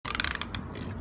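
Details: Rapid, harsh ratchet-like scraping clicks of loud, forceful teeth grinding; bruxism.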